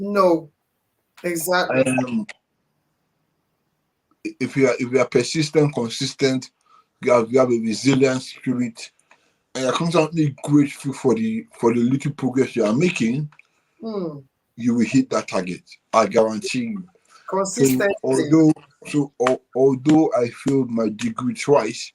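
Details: Dysarthria in an adult man born with cerebral palsy affecting movement and speech, attributed to a high bilirubin level at birth.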